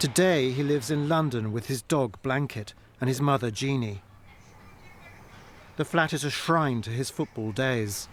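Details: Adult male narrator; normal speech.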